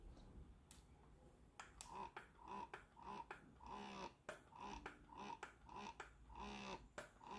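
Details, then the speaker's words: Youha Gen 2 wearable breast pump running in expression mode, reaching only about 39-40 on the sound meter; soft rhythmic whirring and clicking cycles, roughly 105 a minute, with faint room noise. "si yuha g 2 lagay natin sa expression mode parang medyo mas mahina ito si yuha parang abot lang siya ng 39a 40"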